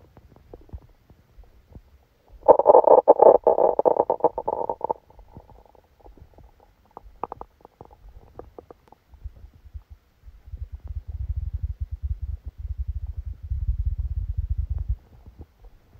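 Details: Bowel sounds recorded while sleeping with a stomachache after Christmas dinner: gurgling, bubbling rumbles in bursts, then low churning rumbles, active bowel sounds.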